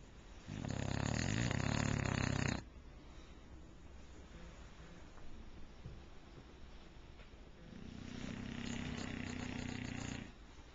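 Two long, harsh, rumbling snores about seven seconds apart, with quiet breathing between them: a sleeping dog snoring loudly.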